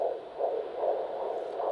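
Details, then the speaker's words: Fetal heartbeat on a handheld fetal Doppler with coupling gel over the maternal abdomen: rapid, regular whooshing pulses at about 150 a minute, within the normal 110–160 range. "the fetal heart rate's normally between 110 and 160"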